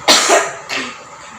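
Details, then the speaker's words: Adult woman doing an effective-cough exercise guided by a nurse, with the right hand placed on the left side, after a deep breath and hold: a strong single cough then a weaker second burst. "Tarik nafas, tahan, batukkan."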